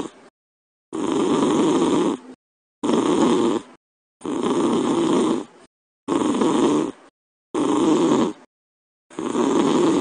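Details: Dad's snoring, recorded after he fell asleep and played back through the Talking Tom Cat 2 app, which alters the pitch: loud, regular snores, about six in ten seconds, with silent gaps.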